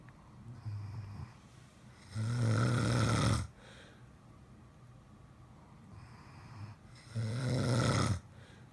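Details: Heavy snoring as a husband and a German Shepherd both snore at night, unclear which is heard: loud, rattling snores about every five seconds, each over a second long, with softer breath sounds between.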